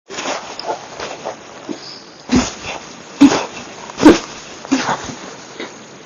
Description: The Violent, Little More Loud, Silent, Minute Hiccups lasted 2 Hours and 28 Minutes for 6/16/19 after drinking 1 cup of soda after Dinner.